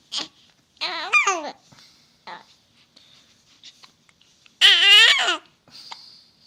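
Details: Hiccups.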